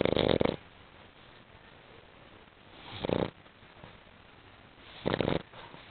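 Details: Sleeping female dog snoring: three rough, noisy snores spaced a few seconds apart, with quiet breathing between; ordinary dog snoring.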